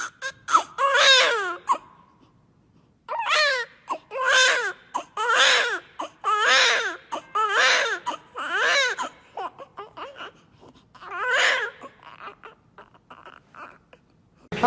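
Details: Newborn baby boy born about one month early, weighing about 3300–3320 g, crying just after birth: repeated loud, rhythmic wails with brief gasping pauses; vigorous newborn cry.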